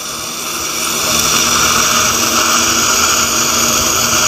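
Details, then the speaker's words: Dental implant drilling for a basal implant with a straight handpiece at 9000 rpm, flapless, in a palatal direction: a loud, steady high-pitched whine. "yeah so no flap is raised and i am just going with this drill in a palatal and a parker direction"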